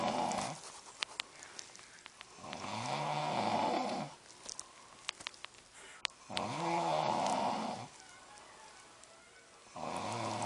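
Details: Husband snoring at night while the TV plays: loud, regular, rough vibrating snores at about 17 a minute, with faint television clicks; snoring.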